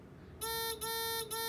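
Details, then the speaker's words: Therapeutic ultrasound unit in continuous mode, sound head running without a load: three steady high-pitched beeps and stop, overheat protection for the sound head; device alarm beep. "beep and stop okay it's a protection for the sound head so it doesn't overheat"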